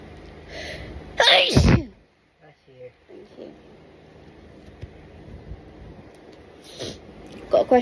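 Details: A loud, explosive sneeze followed by quieter sounds and a later second sneeze, part of an itchy sneezing fit at night.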